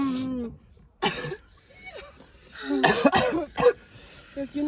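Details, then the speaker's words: Several harsh coughs and throat clearing from an adult, mixed with brief speech and sighing in a small room, during a prank staged to make it look like coughing blood; cough. "Okay. So, basically make it look like I'm coughing blood over here."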